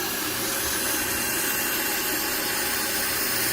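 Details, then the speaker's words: Steady high whirring grind with a hissing edge as an electric burr, running at lowered speed after the patient found the vibration uncomfortable, sands down a man's thick, uneven foot callus. "okay i'm just gonna grind it down though a little bit more work to do here"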